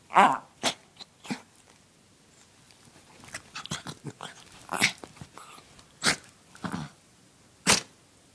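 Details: Small dachshund (wiener dog) indoors gives about six sharp, sudden sneezes with quieter snorting and snuffling noises between them: repeated sneezing.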